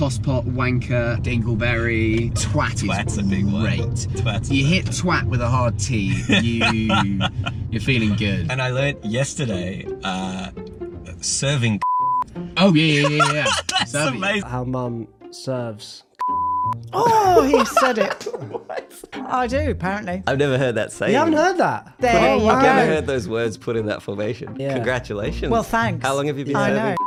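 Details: Adult woman with Tourette syndrome whose involuntary shouted swear words and phrases interrupt her sentence; suppressing tics makes them worse; coprolalia (vocal tics, Tourette syndrome).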